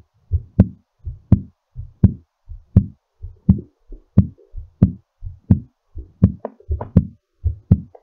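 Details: Strong, regular lub-dub heart sounds at about 82 beats a minute, settling during recovery; normal heartbeat after exercise.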